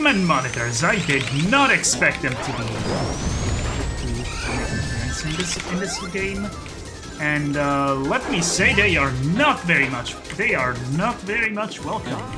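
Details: Adult man who calls his own speech a 'stuttery mess'; repetitions of words and phrases; stuttering.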